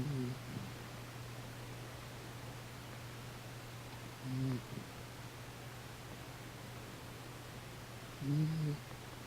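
Soft, low snoring sounds in three spaced bursts against a steady hum; a sleeping cat's harmless snore.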